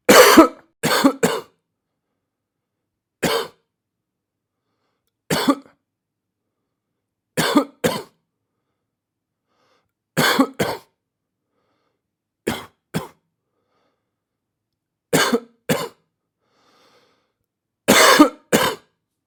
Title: BRUIT DE TOUX 😷